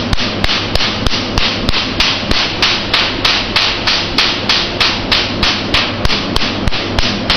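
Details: Q-switched Nd:YAG tattoo removal laser machine being demonstrated: rapid, very regular, sharp snapping pulses, about 194 a minute, over steady noise.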